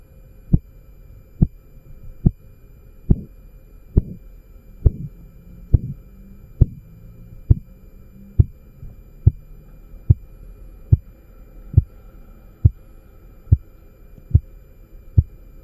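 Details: Korotkoff sounds heard while measuring blood pressure: regular sharp tapping at about 70 a minute, briefly softer and swishing.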